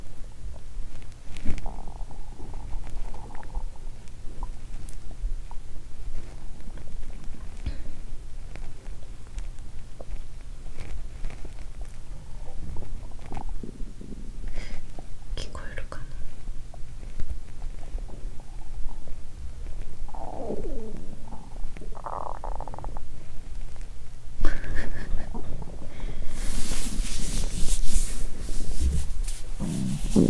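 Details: Low gurgling and rumbling from an empty stomach of a person who had not eaten for over 15 hours: hunger bowel sounds (borborygmi), normal.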